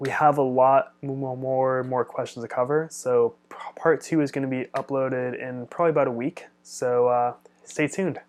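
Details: Adult man who stutters and studies speech-language pathology; stuttering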